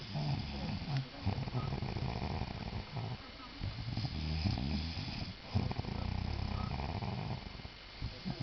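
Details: Very loud snoring: low rattling snores repeat throughout, with short breaks between breaths.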